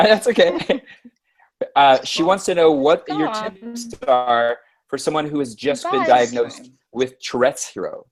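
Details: Adult speaker; ordinary speech.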